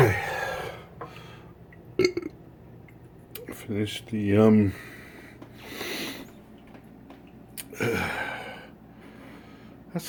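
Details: Person with hiccups gulps water upside down over a sink to stop them: breathy gulps and swallowing noises, then a loud, drawn-out burp in a small room; ordinary belching, with the hiccups reportedly gone afterwards.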